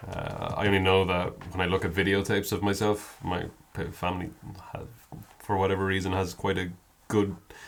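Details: Adult man with a stammer present for as long as a longtime friend has known him; stammering (stuttering).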